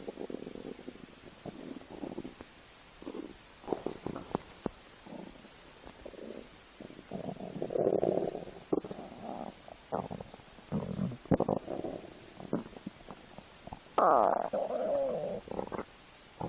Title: My best stomach noises